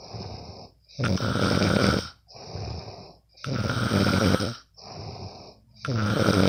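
Loud, rough, rattling snores on each in-breath, with quieter out-breaths between, about one snore every four seconds; ordinary snoring during sleep.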